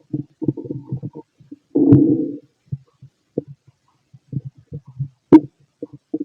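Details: Stethoscope over the stomach of a fit adult male digesting pastry, chicken, curry, bread, milk, eggs and pasta: irregular low gurgles and clicks with a longer rumbling growl, ordinary bowel sounds.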